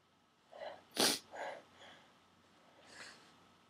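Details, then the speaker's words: Induced sneezing using a plastic garment tag holder: sharp inhaled build-up, one forceful explosive sneeze, then softer breaths and a small trailing sneeze; part of 16-17 forceful sneezes leaving eyes streaming, nose raw and stuffy. "Sneezing so hard I'm literally crying."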